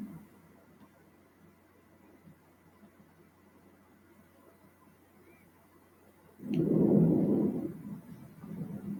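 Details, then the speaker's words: Normal vesicular breath sounds on chest auscultation over axillary and posterior areas: soft crescendo-decrescendo blowing murmur, with the inspiratory phase less audible and shorter, about one third of the respiratory cycle. "suenan con un murmullo soplo suave en creciendo decreciendo cuya fase inspiratoria es menos audible y más corta un tercio del respiratorio este ruido depende especialmente del despegue inspiratorio de los alveolos"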